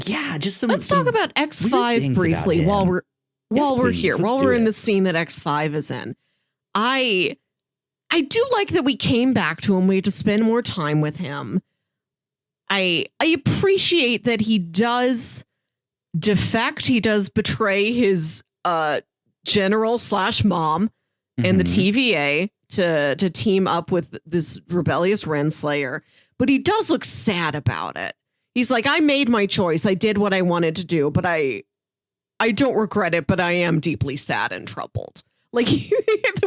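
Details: Adult speaker; typical speech.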